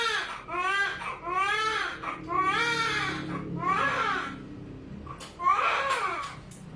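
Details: Loud, rising and falling wails with short gasps between, from a newborn baby boy just after normal clinic delivery; a vigorous normal first cry.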